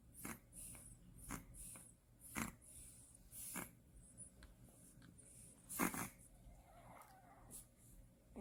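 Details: Newborn at a postpartum care center snoring lightly: soft, uneven snorting breaths, roughly 17 a minute, in a quiet room.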